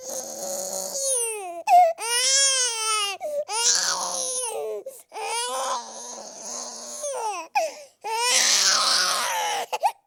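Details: Baby boy crying intensely, from a royalty-free sound effect: sustained wailing cries in repeated long bursts with brief breaths between.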